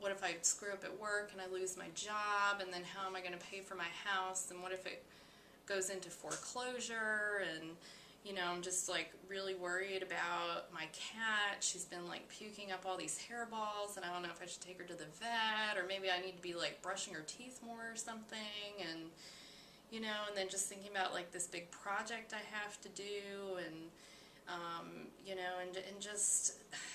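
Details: Acted demonstration of racing thoughts by a client: multiple thoughts in rapid list form with pressured quality, associated with anxiety and manic states in bipolar disorder; mental status exam training example.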